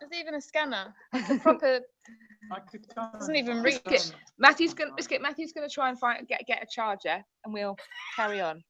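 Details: Tourette syndrome vocal tics in a woman, repeated involuntary 'biscuit' tics; she reports no control over them and that they can be triggered by things she sees or hears.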